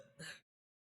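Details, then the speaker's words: Biphasic stridor: a brief harsh, noisy breath heard during both inspiration and expiration, with a softer phase then a louder one; such stridor usually points to subglottic pathology. "So what does it mean? It is present both during inspiration and expiration. Whenever you could hear sounds noisy breathing both during inspiration and expiration it is called as what? Bifasics trader."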